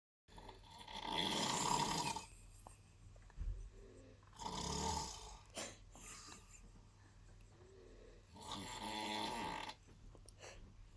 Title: Snoring is like a rubber bond